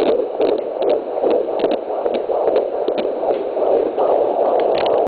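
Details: Fast, rhythmic whooshing fetal heartbeat on Doppler at 23 weeks 0 days of pregnancy, around 146 beats per minute, within the normal range: fetal heartbeat.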